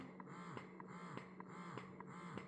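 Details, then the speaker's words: Willow Go wearable breast pump in stimulation mode: steady motor hum with short, fast suction cycles repeating about every 0.6 seconds. "These are the short fast suction. So this is my stimulation mode."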